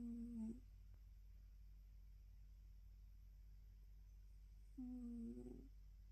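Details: Short, soft humming snores about five seconds apart over low background hum from a relaxed female cat, born around 2016, sleeping in the morning; gentle, harmless snoring.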